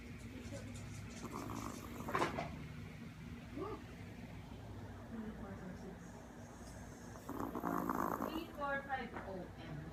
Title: Yorkie Snoring